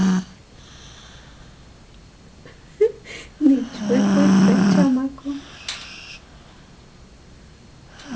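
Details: Person recording their own snoring: a single rough, low buzzing breath in a quiet room, with faint huffs around it; snoring.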